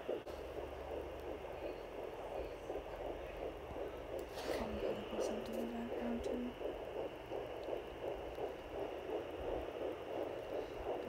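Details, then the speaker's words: Rapid, regular whooshing pulses about 170 a minute over steady Doppler hiss, with a brief tone midway: fetal heartbeat at 10 weeks 4 days on home Doppler, found just below the belly button; described as sounding very healthy. "Sounding very healthy."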